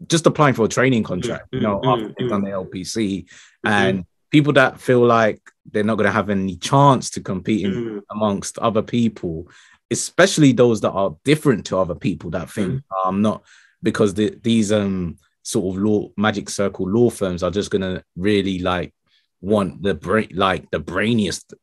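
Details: Adult male speaker; typical speech.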